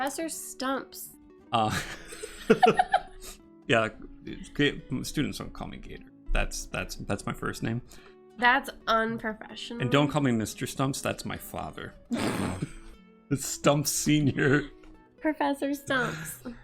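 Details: Adult man; normal speech.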